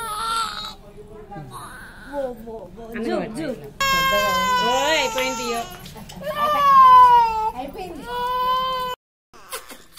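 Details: A baby's loud, high-pitched wails with rising and falling pitch, an ordinary pain cry during an injection.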